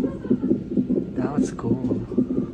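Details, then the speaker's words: Woman in labor with frequent contractions, on 20-minute fetal monitoring in a Canadian hospital: rapid, regular whooshing pulses at about 140 a minute with brief voices; fetal heartbeat on the labor monitor, described as strong. "mm so guys yung naririnig niyo yan yung heartbeat ni"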